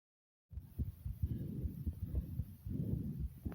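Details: Person's own heartbeat recording: soft, repeated low thumps under a steady muffled rushing noise, possibly breathing; normal heartbeat.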